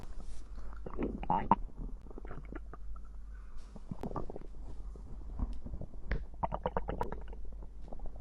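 Bubbling, squeaky gurgles and low rumbles of stomach growling after a drink, ordinary digestive sounds.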